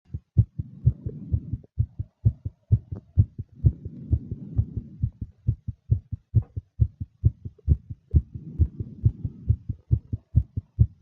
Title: fast female nervous heartbeat with breathing sounds